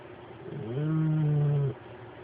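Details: A single low, drawn-out droning snore lasting about a second, smooth and steady in pitch; snoring.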